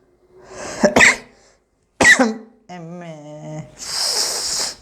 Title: Sneezing Sothanai😰